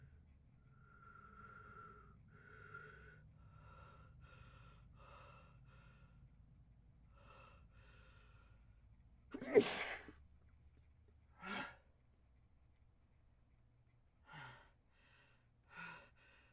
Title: Harsh Sneezes